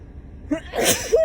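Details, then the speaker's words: Young woman having a Covid-19 nasal swab test gives a brief inhaled catch, then a sudden, forceful sneeze set off by the swab. "God. Jesus, I've never sneezed this much."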